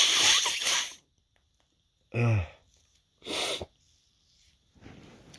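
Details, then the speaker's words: Morning sneezing right after waking, male: a loud explosive sneeze followed by two shorter sneeze-like bursts with a sharp inhale; a bout of repeated sneezing. "hey hey I got the sneezes today woke up so Sneezy"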